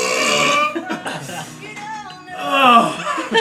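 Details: Person dancing and burping: a drawn-out, voiced belch with music playing in the background.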